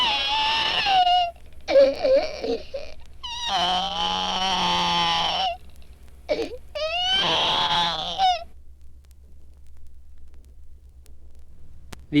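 An infant gives several rough, low-pitched cry bursts with a hoarse quality, the cry of congenital hypothyroidism, over a steady background hum.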